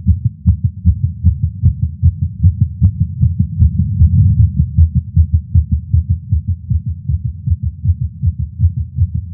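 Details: Male's heartbeat recorded with a Stemoscope while smoking a cigar after not smoking for a while, feeling lightheaded: fast, regular heartbeat, roughly 150 beats a minute; tachycardia after nicotine.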